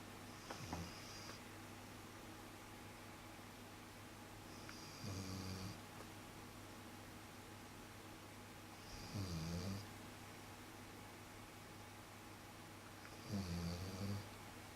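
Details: Snoring during sleep, long mistaken by household members for each other's snoring: soft, rhythmic snores, about four breaths in fifteen seconds, with a low fluttering rumble and a faint whistle on each breath.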